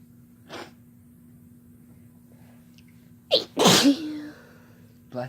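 A brief inhaled gasp followed by one loud, explosive sneeze with a short voiced tail; an ordinary sneeze.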